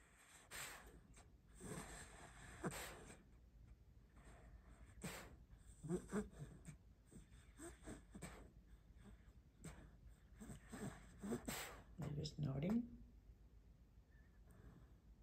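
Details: Sleeping female dog gives loud, rough, buzzing snores like a buzz saw with each breath, plus huffing sounds; harsh upper-airway noise during sleep; snoring.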